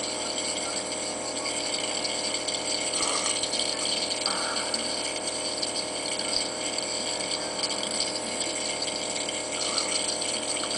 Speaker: I know you can't hear me so well with the nebulizer going